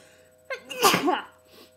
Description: My second cold of the year. Also, people have been requesting some unstifled sneezes. Enjoy!